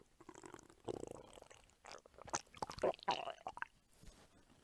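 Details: Hungry adult woman's belly in an ASMR recording: irregular watery gurgles and squelching bursts, ordinary stomach rumbling (borborygmi) from hunger.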